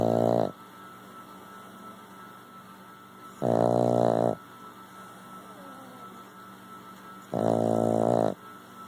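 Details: Snoring: loud, regular snores roughly every four seconds, each a rough, buzzy rattle lasting about a second, over a steady room hum.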